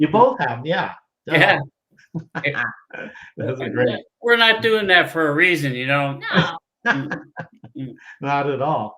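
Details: Adult man, former pilot, with aphasia from a stroke 15 years ago; he cannot read or write, uses a scooter and gets therapy on his arm; frequent fillers, pauses and word-finding difficulty; aphasia after stroke.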